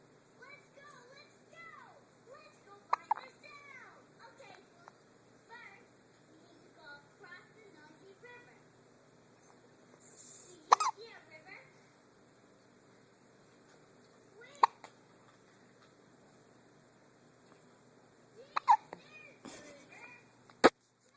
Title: Baby hiccups